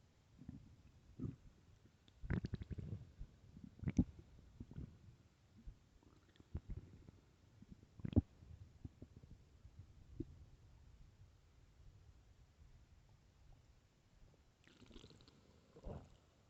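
Soft, irregular gurgles and rumbles from the belly in a quiet room, normal stomach growling from gut movement.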